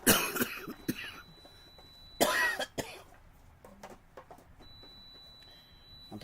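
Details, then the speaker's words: Adult who reports catching rhinovirus at the hospital: two bursts of harsh coughing with some throat clearing in a quiet room. "I caught the Rhino virus Rhino Ando virus at the hospital so oh we're yucky today"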